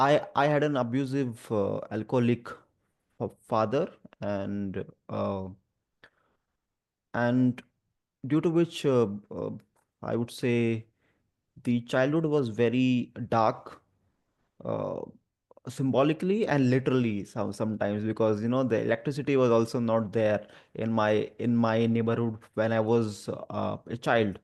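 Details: Adult male who stammers and also has dyslexia and dyspraxia; real spontaneous speech with word repetitions; stuttering.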